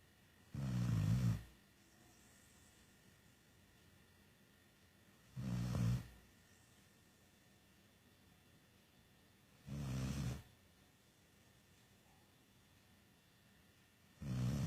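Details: Deep, low rumbling snores about every 4 to 5 seconds, around 13 a minute, much like a person's snoring: a dog snoring.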